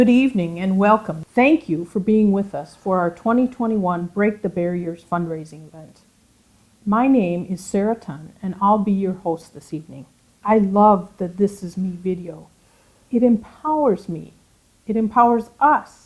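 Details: Adult woman speaking; typical speech.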